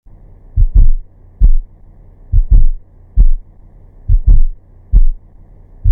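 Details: Simulated heart sounds, played slowed then at real time: a soft extra thud in late diastole just before S1, an S4 atrial gallop, heard best at the apex with the stethoscope bell.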